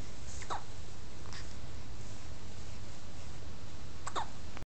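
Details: Two short, sharp hiccup sounds a few seconds apart over a steady background hiss; hiccups.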